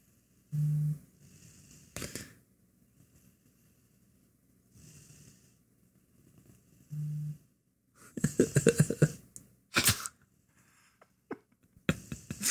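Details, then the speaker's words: Pet dog snoring serenely in the background: snoring. "oh yeah that's my dog snoring I wrong we're done go go fast folks go play I don't even care don't follow us on anything just go play yeah I'm here that's naughty don't follow me let me just listen to this dog snore for a minute this is the most serene thing"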